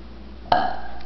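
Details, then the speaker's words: Deliberate burp in a burping contest after drinking Coke: one loud, low, drawn-out belch lasting about half a second. "CH chug chug chug e that's what we call a Dy burp Erica would you like to respond respond a Dy burp"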